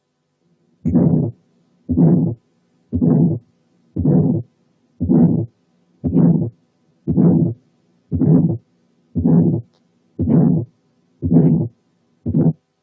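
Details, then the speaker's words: Aortic ejection systolic murmur at the aortic area with a loud, ringing second heart sound, as heard in hypertension or aortic aneurysm. "وفي حالات الهايبرتنشن والانيوريزم السكند ساوند بيكون لاود وبيكون له رنه يعني رينجنج سكند ساوند زي الحاله اللي جايه."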